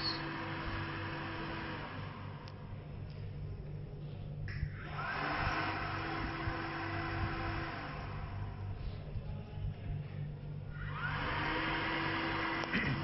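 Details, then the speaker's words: Steady motor hum with a rising and falling blower sound repeating every few seconds: a student-built, blower-based portable ventilator cycling inhale and exhale in volume-controlled mode. "in this operation you will see this cycle inhale and exhale cycles will repeat and you can also visualize this data on the graphical interface in data monitoring section"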